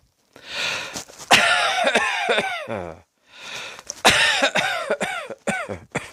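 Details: Two bouts of repeated, forceful, voiced coughs, each starting with a breathy intake; cough.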